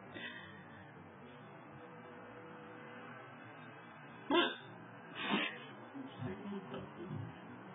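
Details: A woman hiccups: two sharp, abrupt gulping sounds a second apart, followed by faint softer noises in a quiet room.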